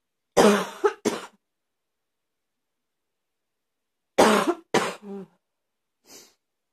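Two pairs of harsh, abrupt coughs with a barking quality, followed by a faint breath.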